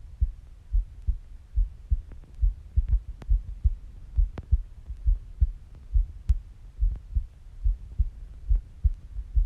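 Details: Adult female heartbeat, steady soft low thumps at about 69 beats per minute, regular; normal heartbeat.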